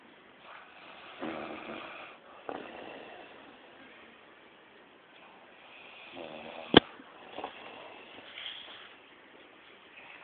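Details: Snoring from a body builder: rough, rattling snores with breathy pauses between them and a sharp snort partway through; ordinary snoring.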